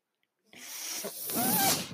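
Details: The speaker's own mechanical ventilator, heard while he talks on a podcast: after a brief silence, a rising, breathy hiss of air builds and peaks as it delivers a breath.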